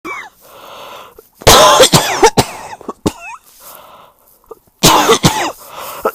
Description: Coughing because I still have the cold.